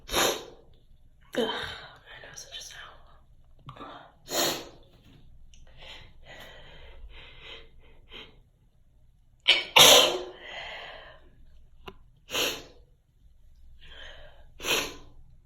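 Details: A run of about six sharp, explosive sneezes with quiet Spanish speech and breaths between them; sneezing.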